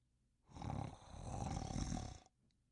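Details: A single long, rough, rumbling snore lasting nearly two seconds, then quiet; snoring.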